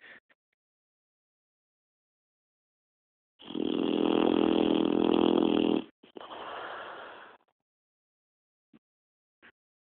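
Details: Boxer dog snoring: a loud rattling snore lasting about two seconds, then a softer second snore; otherwise quiet.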